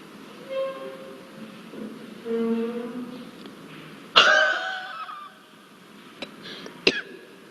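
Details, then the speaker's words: Huff cough demonstration in cystic fibrosis airway clearance: forced open-throat exhalation then short sharp bursts, moving secretions from smaller to larger airways, repeated 3–4 times before one strong cough; faint musical background. "We need to repeat this maneuver for 3 to 4 times, then followed by we should do one strong cough to clear the secretions from the larger airways. So now I am going to demonstrate you the technique of huff coughing."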